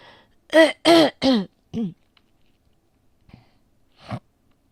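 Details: A quick run of about four strongly voiced coughs, then a single weaker cough after a pause, from a person tagging asthma.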